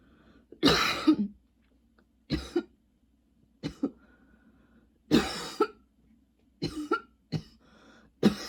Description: coughing NONSTOP in this video, seriously i don't remember what it's like to NOT have long coughing spells, don't know why my throat still has a tickle